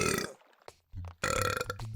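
Two loud, drawn-out belches with low rumbling voicing, separated by a brief pause; ordinary burping.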